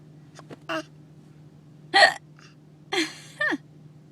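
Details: Several short, abrupt voiced hiccups with quiet gaps between, over a steady low hum, as two people sit in a parked car having a hiccup battle; hiccups.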